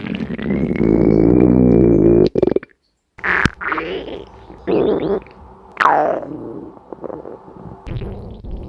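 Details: Woman recording her own stomach growling while sleeping: long low gurgling growls and squeaks with brief gaps; borborygmi, normal gas and fluid movement through the gut.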